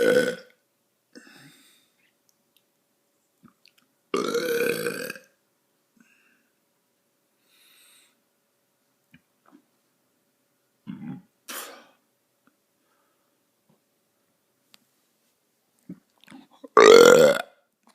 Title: burping part 1